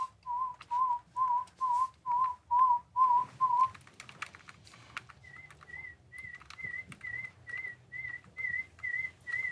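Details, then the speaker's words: Short pulsed warbling tones, about two per second, mid pitch then an octave higher, with faint clicks: pure-tone audiometry in a patient with partial hearing loss (otosclerosis), right ear tested before left, patient pressing a button on hearing. "Comme d'habitude, dès que vous entendez, vous appuyez."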